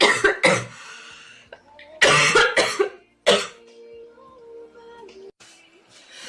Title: Girl Coughing 319